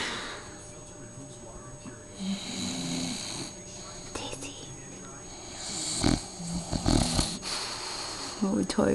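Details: Bulldog sleeping after a long day at daycare, snoring very loudly: irregular, rattling snorts and snores from a flat-faced dog, with faint room noise and a steady background hum.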